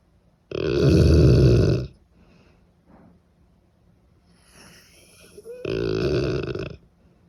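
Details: Cane Corso, a large dog, snoring loudly: two loud, deep rumbling snorts separated by quiet breathing; heavy snoring.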